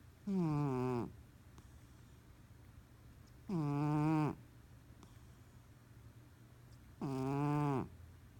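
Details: Sleeping, dreaming cat snoring surprisingly loudly: three long, tonal, buzzing breaths at about 17 a minute, with a musical, vibrating quality; snoring.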